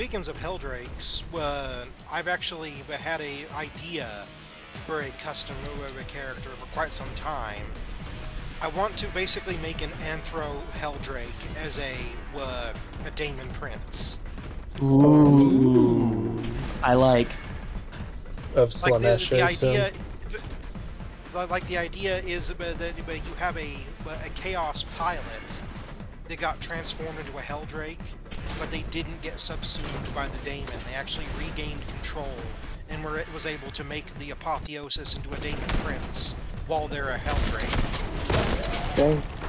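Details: Adult man; typical speech.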